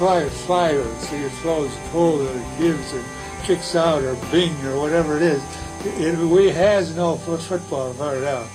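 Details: Wernicke's aphasia, a fluent receptive aphasia from damage to the left posterior superior temporal gyrus, with invented or substituted words, missing key words and impaired comprehension; Wernicke's aphasia.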